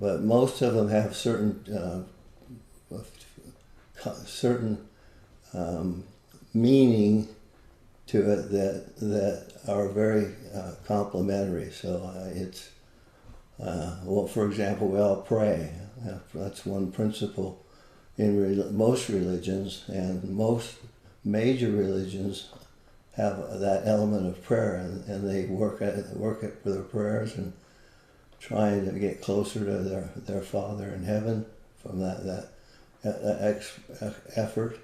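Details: Adult with Parkinson's disease, a neurodegenerative disease, for more than 20 years, with visible shakes; Parkinson's disease speech (hypokinetic dysarthria).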